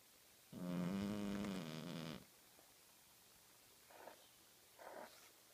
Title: Cat Snoring and Twitching